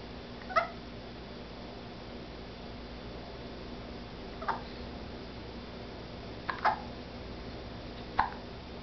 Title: Rosalina Hiccups